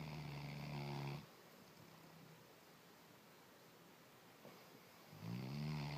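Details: Snoring: two soft, low snores about five seconds apart, with quiet between them.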